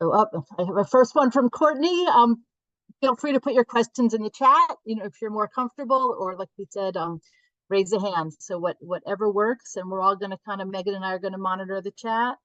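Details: Adult woman speaking; normal speech.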